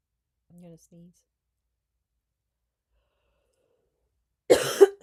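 Two faint short hums, a pause, then one sharp, noisy burst near the end consistent with a single adult cough.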